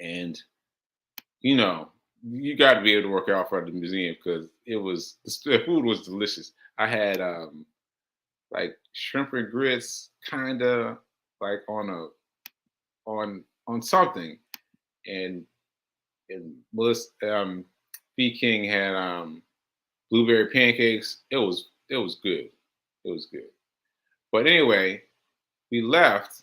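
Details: Aphasia in a male host after a stroke on July 14, about six months earlier; he reports language difficulty when trying to communicate.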